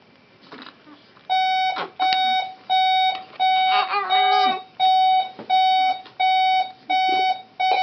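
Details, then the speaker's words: Premature twin girl 2 days past her 40-week due date (about 3 months old), with hiccups: loud, regular pulse oximeter alarm tones about 86 a minute over soft infant fussing and voices. "let's see today is Monday the 7th on the last this past Saturday alarm just a misread"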